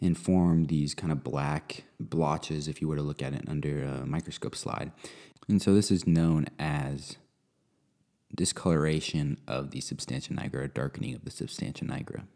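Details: Adult male speaker; normal speech.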